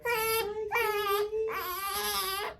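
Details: Infant with right head tilt during first chiropractic adjustment, cervical spine being checked; three loud, high-pitched, strained crying bursts, each half to one second; ordinary infant cry.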